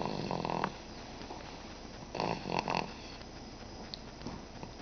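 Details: Four-month-old asleep: soft, brief, rattling snores at irregular intervals over low room noise; light snoring.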